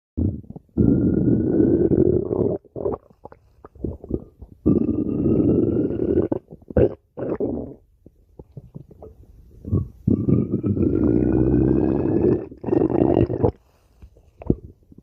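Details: Stomach growling of a man while he sleeps: long rumbling, gurgling stretches with rising squeaky tones broken by short gurgles; loud borborygmi from gas and fluid moving through the gut.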